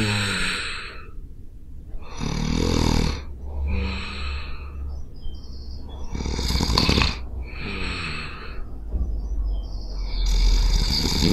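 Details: Loud, rough, rattling snores on each breath in, with softer breaths out, about 15 per minute; self-recorded during real sleep on a Zoom H5 recorder; snoring.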